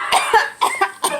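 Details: Acted comedic cough: a quick run of about five short, harsh coughs, performed for laughs rather than genuine illness, in a skit joking about coronavirus versus regular coughing.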